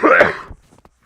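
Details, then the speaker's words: Person recorded in a dorm room: one loud, harsh, partly voiced cough burst that fades quickly, followed by a few faint clicks; chronic cough. "If my neighbors from the dorm in Cambridge hear the cough, they're probably not gonna take that overly well."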